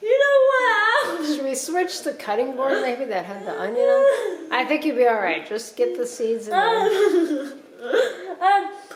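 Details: Single speaker with a fairly high-pitched voice, small room; ordinary speech.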